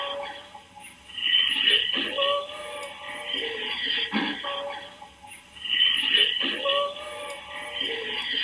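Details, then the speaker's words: Patient (female) with shortness of breath, lung fields auscultated anteriorly, posteriorly and laterally: musical whistling tones of several pitches through both breath phases, severe bilateral wheezing. "that sound is wheezing and it sounds like she has bilateral wheezing that sounds pretty severe"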